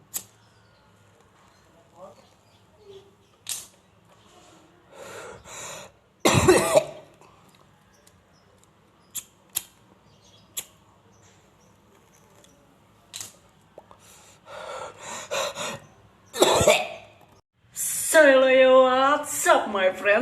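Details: Adult gives a few harsh, forceful coughs after inhaling smoke and applying balm (balsem), with clicks and a voiced sound in a quiet room; entertainment stunt, cough.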